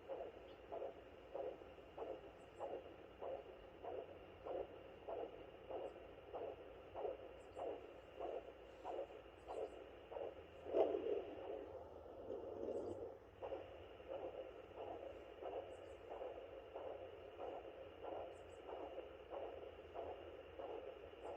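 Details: Maternal heartbeat on Doppler at 32 weeks in a fourth pregnancy, recorded for comparison with the fetal heartbeat: steady whooshing pulses at about 84 a minute, the mother's normal heartbeat.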